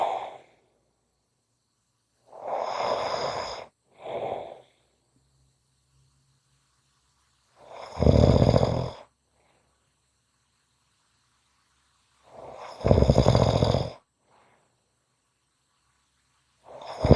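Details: Ordinary snoring in a quiet room: loud, rough snores on each in-breath with a quieter exhale between, about every five seconds.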